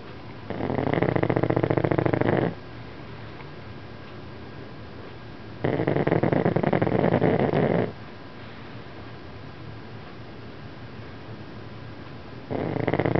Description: Princess Poo Pug snoring and then waking up.. so kewt!